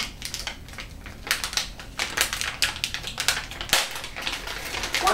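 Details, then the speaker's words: Crinkling, crackling plastic as the outer wrap of an IV fluid bag is torn open at its notch during a nursing IV skills demonstration; IV fluid bag opening. "usually there's a little notch where you can tear don't take a scissors to this you can cut the back so open this up"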